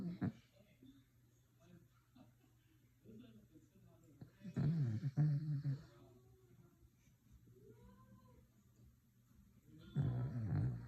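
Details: A sleeping dog gives low, rumbling snores with faint squeaky whistles between them in a quiet room; dog snoring.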